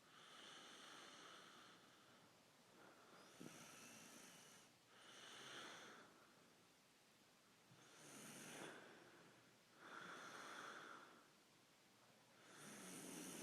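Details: Snoring profusely: slow, rough breathing noises about 13 times a minute, loudest on each breath, with steady background hiss.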